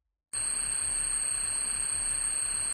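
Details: Simulated screeching tinnitus, one of several common tinnitus types played by an audiologist: a steady, piercing high-pitched tone over a hissing rush.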